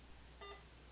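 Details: A single short electronic beep from the keypad of a VetStor CLS-SP01 veterinary IV infusion pump as a setting is entered during a demonstration; a normal confirmation tone over quiet room hum.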